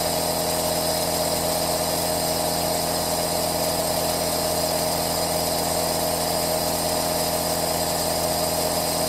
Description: This Aerosol Nebulizer sound is extremely fantastic, leave in the comments what you think of this sound...